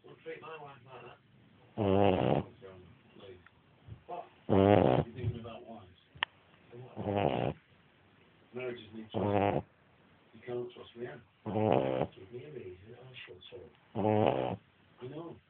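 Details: Snoring: loud rasping snores roughly every two to three seconds, with softer breathing and snuffling between them.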